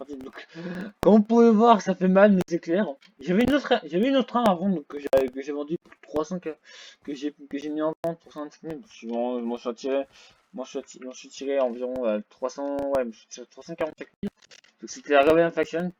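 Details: French-speaking gamer who reports having a small stuttering problem; stuttering.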